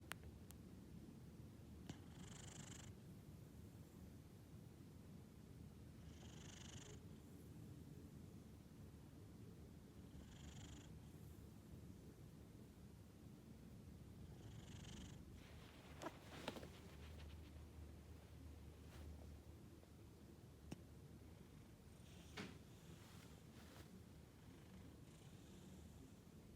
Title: Sleepy Cat Snoring Like a Pro!